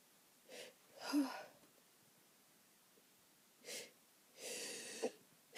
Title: Itchy allergy sneezes